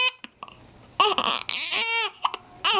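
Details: An infant boy cries in short, fussy bursts with breaks between them, upset during a bad case of hiccups; infant cry.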